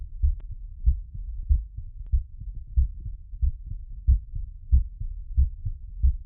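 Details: Heart sounds during recovery after exercise: steady, regular low thumping beats at about 92 per minute, slightly fast, with a soft background hum.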